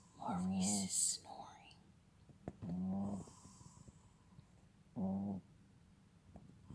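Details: Repeated short, rattling, buzzy breath sounds with a snorting quality, about every two seconds, from a young male dog nearly 6 months old; snoring.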